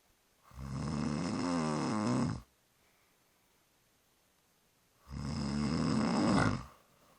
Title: Mother and baby of 2 weeks snoring